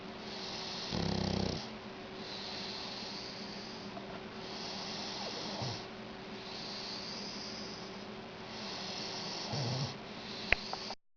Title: Shar pei snoring